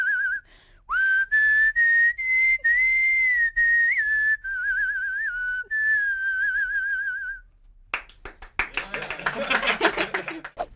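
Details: Whistling vocal tic from a woman with Tourette syndrome, who describes her whistle as both a tic and a way to avoid ticcing.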